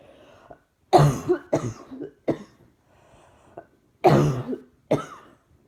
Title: Throat hurts now along with chest. Keep breathing & coughing, coughing & cough cough coughing